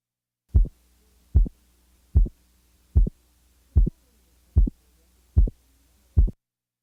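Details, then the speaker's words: Simulated heart sounds at about 75 a minute, each beat a crisp double sound from a split second heart sound with a 75-millisecond splitting interval. "Now, listen to a second sound splitting at 75 milliseconds."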